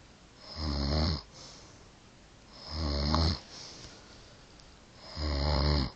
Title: Grandma snoring